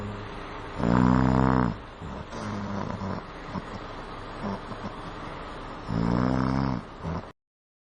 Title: MAN SNORING LIKE BUFFALO : KHARRATA